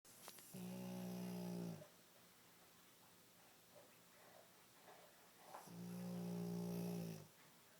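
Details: Pug (small flat-faced dog) snoring too loudly: two long, steady, buzzing snores about five seconds apart with quiet breathing between; snoring.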